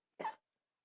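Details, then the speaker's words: A single short, sharp cough from a child whose cough got worse today, indoors. "So now, today my cough just got worse. And if I go outside this bedroom that I'm in,"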